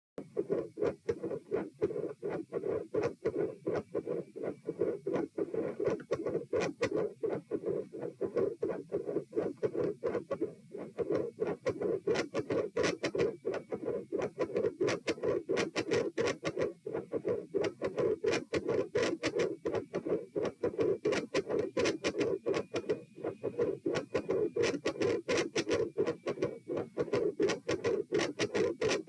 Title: Heart Sounds - Loud Supine MidSystolic Murmur Gets Louder And Phasic